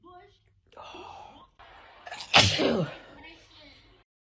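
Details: A woman with spring allergies gives soft voiced build-up breaths, then one forceful sneeze and a moaning exhale: an allergic sneeze.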